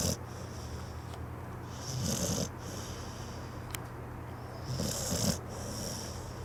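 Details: Snoring in a sleeping pit bull, described as a loud snorer: two slow, rough snoring breaths about three seconds apart over a steady low room hum.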